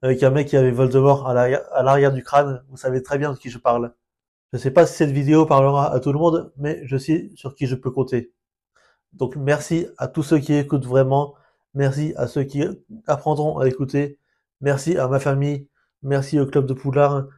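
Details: Stuttering in an adult French-speaking man who has lived with it for years, sometimes subtle and sometimes obvious, with blocks; he says it is not due to stress or lack of confidence.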